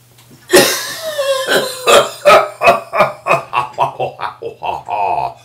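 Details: Adult with "cabin cough" after a cruise: a prolonged fit of about a dozen harsh, rattly bursts in quick succession, a persistent chesty cough lasting many days, flu-like without aches; partner also affected.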